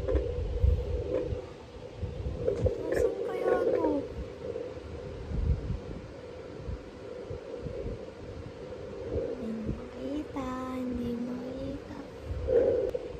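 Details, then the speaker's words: Home fetal Doppler at 24 weeks of pregnancy, baby boy: rapid, irregular whooshing pulses with probe scraping and soft talk; display reading around 150. "so yun po yung heartbeat niya pakita namin ayun ay 1507"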